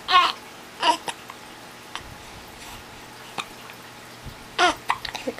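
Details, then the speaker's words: Baby with hiccups while playing with father: a few short, sharp voiced catches spaced irregularly apart; hiccups, common and harmless in babies. "oh that's definitely the hiccups we didn't even have that much fun before you got the"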